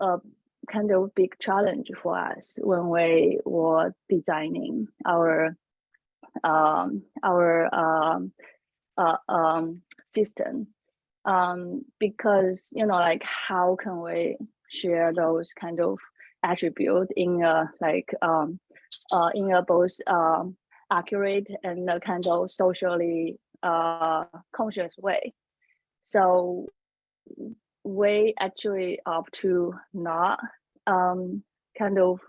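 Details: Adult woman who says she has a stutter; stuttering.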